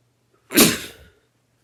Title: Spray sneeze (M)